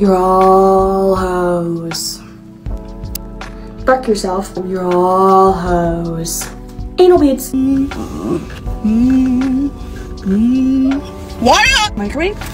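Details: Young woman diagnosed with Tourette syndrome at the Mayo Clinic at age 18, now 19; clip from a compilation tracing her tic progression, with repeated involuntary phrases and obscene words; vocal tics with coprolalia (Tourette syndrome).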